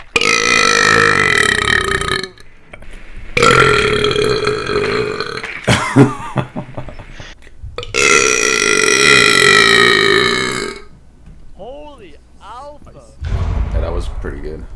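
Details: Gamer burping while gaming: three long, loud voiced belches in quick succession with breathy sounds and brief noises between them; repeated burping.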